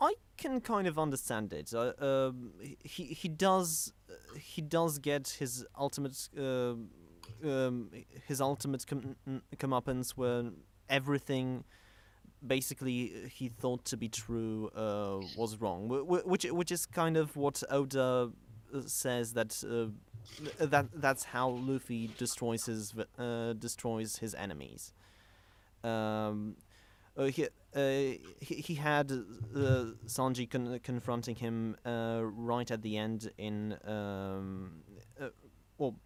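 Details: Stuttering in a male podcast host who describes himself as a stammerer, speaking in a live-streamed English podcast.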